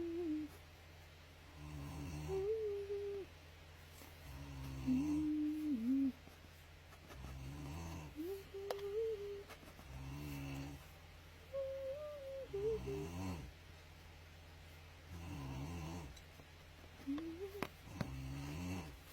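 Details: Someone snoring while another person draws: slow, uneven snores, about 20 a minute, with whistling, humming tones on each breath over a steady low hum in a quiet room.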